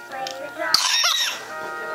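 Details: Coughing while playing drums; cough.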